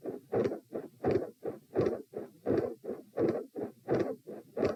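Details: Heart sounds recorded at position P while lying down during repeated Valsalva manoeuvres.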